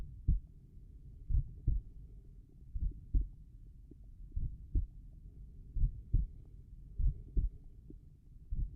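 Slow, regular lub-dub heartbeats, about 45 a minute, at the lower left breastbone; normal heart sounds.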